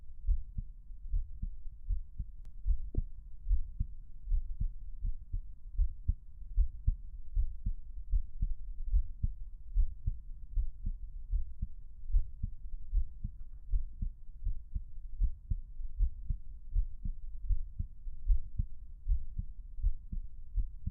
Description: Just a small recording of my heart beating away.